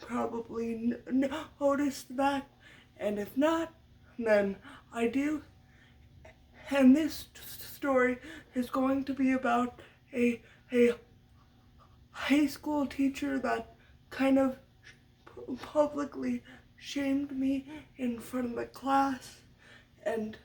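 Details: Adult woman who stutters, a stutter she attributes to muscle tightness from cerebral palsy (brain damage as a baby); speech therapy from a young age through senior year of high school; uses techniques but will always stutter; stuttering.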